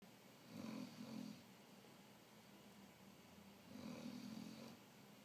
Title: Snoring mastiff puppy